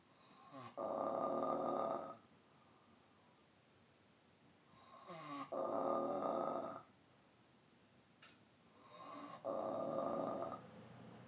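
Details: Three long, loud, rattling breaths, about 14 a minute, each rising from a softer start; heavy snoring from a sleeping dog in the dark, loud enough to wake the owner, like a semi's jake brake.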